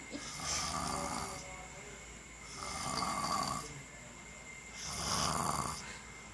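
Three slow, rough breathing sounds with a noisy rattling quality, about 28 a minute, over steady room hum; snoring during sleep.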